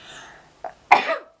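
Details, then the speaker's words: A short in-breath followed by a single sharp, explosive sneeze from an adult, with faint room noise. "on that note we have a sneeze of confirmation [Laughter] from me and this sounds like a great month ahead"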